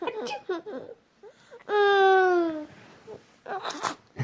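A baby's brief, clear, sustained cry with a falling pitch. Babbling vocal sounds come before and after it.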